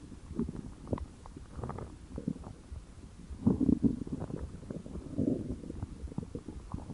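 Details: Low bubbling gurgles and squelching rumbles come and go over several seconds, with a louder gurgling surge midway. An adult's stomach growling from hunger (borborygmi).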